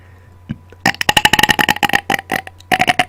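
Rapid run of about twenty short, loud voluntary burps close to the microphone; belching on command.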